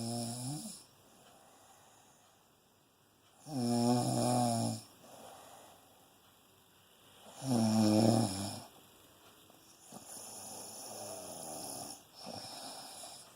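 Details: Loud rattling snores on inhalation about every four seconds, with quiet breathing between; ordinary snoring during sleep.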